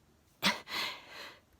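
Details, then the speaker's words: Person with sneezing that troubles him every day, sneezing at bedtime: a single sharp explosive sneeze with a brief intake before it and a breathy trailing release after. "everything away i was just about to turn the lights off to go to bed started sneezing i quickly grabbed my phone"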